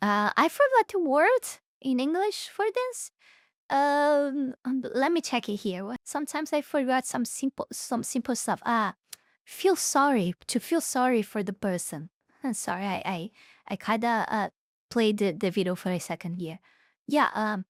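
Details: Adult speaker; ordinary speech.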